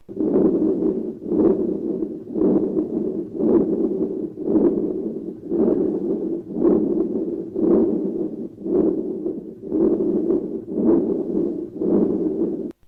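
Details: Continuous machinery murmur starting after the first sound, reaching maximum intensity around the second sound, then tapering through diastole; a rumbling sound that waxes with each beat.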